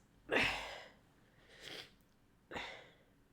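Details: Woman inducing sneezes while injured (hurt collarbone and ribs from a BMX fall): two sneezes, separated by a softer breathy sound, in a quiet room.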